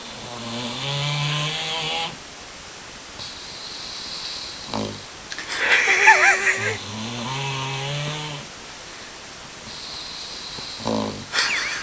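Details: Loud snoring after a grueling romp at a park: buzzing snores on the in-breath alternate with softer out-breaths, about three cycles in 12 seconds, with muffled laughter in the background.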